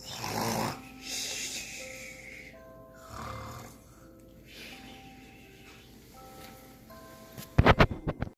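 Deep, rumbling snores over background music: snoring during sleep.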